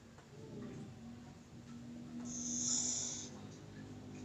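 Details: Sleeping dog: low steady rumble of breathing with one louder hissing snort partway through; ordinary snoring.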